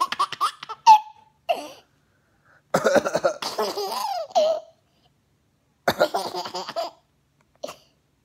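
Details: Infant's voiced, giggling laughter mixed with a few short, abrupt cough bursts, with quiet pauses between episodes: coughing interspersed with laughter.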